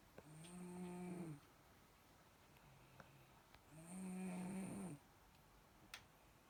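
Two drawn-out, whistling snores about three seconds apart in a quiet room; snoring during sleep.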